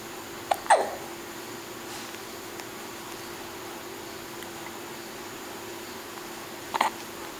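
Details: Infant a few weeks old, still in NICU: two soft, sharp hiccups about six seconds apart over steady room hum.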